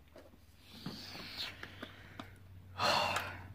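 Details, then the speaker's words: Adult man interrupted by hiccups mid-recording, also yawning and sneezing: several short, sharp breath-catching clicks then a voiced gasp-like sound, hiccups. "oh excuse me yawning hiccups and sneezing geez having a time right now oh gosh ah hiccups now"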